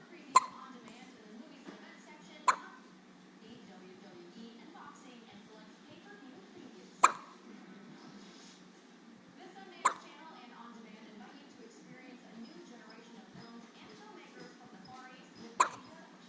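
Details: Baby with five brief, sharp hiccup clicks at irregular intervals, roughly one every three seconds, soft background noise; infant hiccups.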